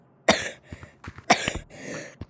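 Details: Two sharp, explosive coughs about a second apart, each trailing into a brief rough exhalation; repeated coughing the person says they could not stop.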